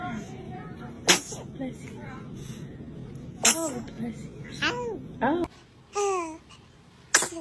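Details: Infant sneezing repeatedly: several sharp, sudden sneezes with soft baby vocal sounds between, and adult voices in a quiet room.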